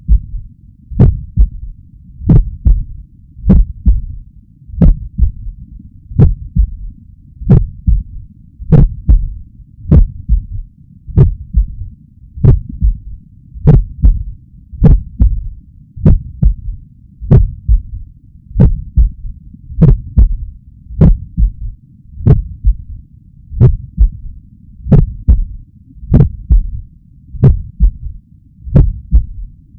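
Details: Slow, steady heartbeat near 48 a minute, with a faint low-frequency extra sound just after S2, from blood oscillating between the ventricular walls as it flows in from the atria. The person hopes it reflects athletic training: S3 gallop.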